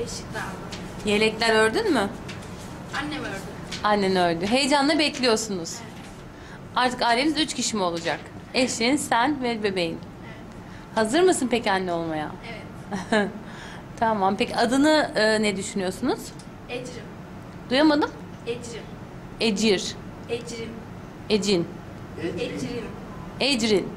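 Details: Stuttering in a 21-year-old woman reading aloud from a book, recorded before therapy.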